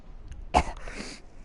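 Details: Single short, harsh cough burst with a breathy tail, from a person saying "I can't breathe" during a live stream: cough.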